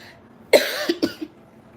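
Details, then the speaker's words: Adult with a cold, hoarse voice and recent cough, already on medicines for some days: two quick coughs over quiet room noise. "किती दिवस म्हणजे medicine चालू आहेत आणि आता हा खोकला सर्दी चालू झाली."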